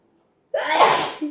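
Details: After a brief silence, a single loud explosive sneeze ending in a short voiced exhale, from a sneezing compilation.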